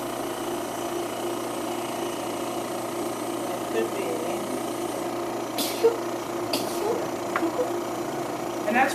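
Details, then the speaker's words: Steady loud motor hum and hiss from a 50 psi air compressor driving a large-volume humidifier nebulizer, used at night for tracheostomy patients to humidify air; running normally, producing white mist. "I'm going to turn this on so you can hear how loud it is"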